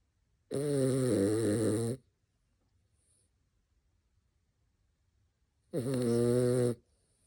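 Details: Two long, loud, buzzing snores about five seconds apart, separated by quiet, from a senior rescue dachshund; a small dog snoring.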